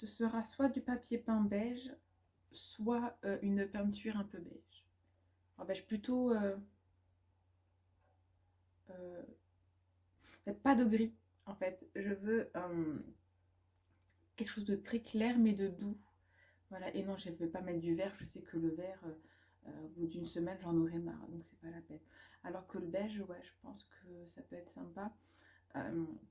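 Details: Stuttering in a woman, which she says worsens with background noise and blocks her speech; she calls it a brain dysfunction that will probably always be there and an invisible handicap, and is considering a speech therapist assessment.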